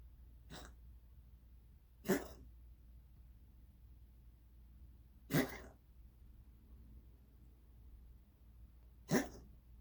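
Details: Cat with a weird cough lasting months, not a hairball; four short, sharp coughing bursts spaced a few seconds apart over low room hum.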